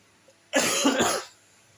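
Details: Cough from an adult presenter who says they are sick, heard during a recorded presentation.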